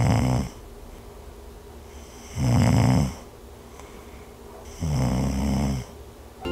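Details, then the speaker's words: Demonstration of snoring in a baby or child, contrasted with grunting of pneumonia: loud, low rattling snores on each inspiration, about 23 a minute, from airflow partly obstructed through the nose or mouth toward the airway. "ang paghilik o snoring ay maaaring marinig kapag may nakaharang sa pagdaan ng hangin mula sa ilong o bibig Pababa papunta sa tubong daanan ng hangin papuntang baga"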